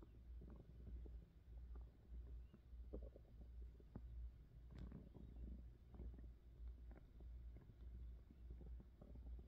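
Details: Woman's belly, recorded against the abdomen: low, irregular gurgles and rumbles over a steady low hum; ordinary digestive stomach growling (borborygmi), presented as hunger pains.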